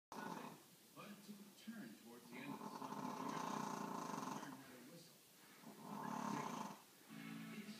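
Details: Brussels Griffon–Pug cross dog with a flat face, snoring loudly enough to drown out a TV at high volume: loud, rough snoring with each breath, suggesting narrowed airways.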